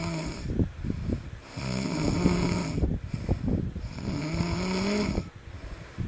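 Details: Snoring baby: rhythmic rattling snores on each breath, about three breaths in six seconds, with a faint whistling tone; ordinary snoring.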